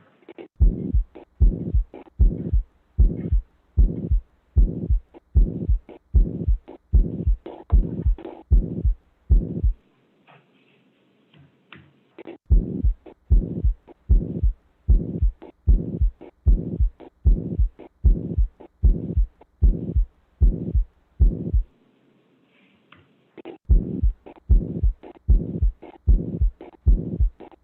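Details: Rapid heartbeat with a harsh whooshing murmur in each beat, a ventricular septal defect example from a pediatric cardiology teaching session; audio quality noted as not great.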